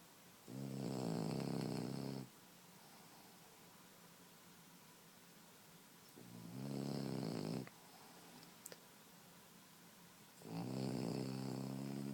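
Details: French Bulldog puppy snoring while asleep: loud, buzzing snores on each inhalation, roughly every five seconds (about 12 breaths a minute), quiet room.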